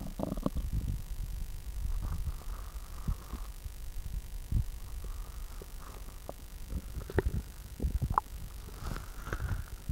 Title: Girls Upset Stomach Growling